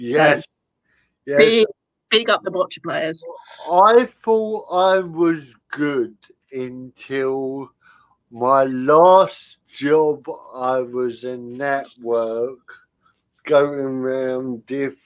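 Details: Adult man with spastic cerebral palsy caused by lack of oxygen at birth, affecting limb control and speech; dysarthria (spastic cerebral palsy).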